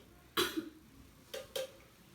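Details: Simulated nursing demonstration of deep breathing and effective cough on an adult female patient, following the nurse's instructions: one strong cough burst, then two shorter coughs in a quiet room.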